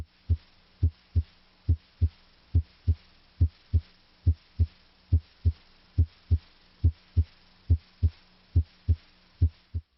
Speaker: listen at the apex here at the mitral area s1 is usually louder than s2